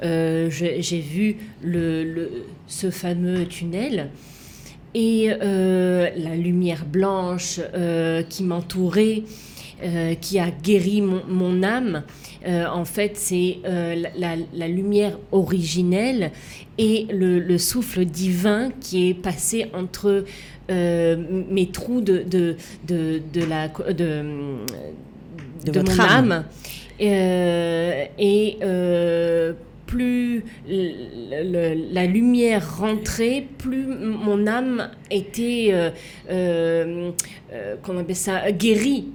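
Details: Woman who had a stroke at age 19, left with aphasia, a language disorder, and right-sided hemiplegia; for years could not place her tongue correctly and still struggles today; residual speech difficulties; aphasia.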